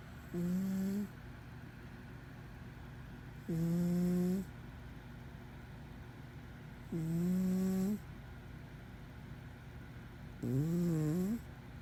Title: Snoring Cat 4